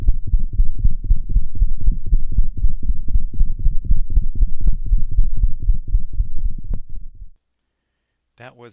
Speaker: s3 gallop sound in a cat that had restrictive cardiomyopathy hopefully you can hear the triple rhythm from which the name derives